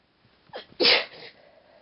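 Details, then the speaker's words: Deliberately induced sneeze: a short catching inhale, then one loud explosive sneeze with a breathy trailing off. "Hello, I'm gonna induce some sneezes."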